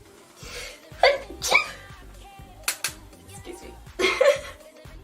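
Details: Two or three small, high-pitched sneezes from a woman doing her makeup, over background music; ordinary sneezing.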